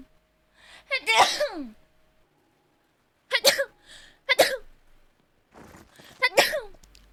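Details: Streamer's failed sneeze attempt and then a real sneeze: a drawn-in breath and a stalled first attempt, then several sharp explosive sneezes with high voiced squeaks.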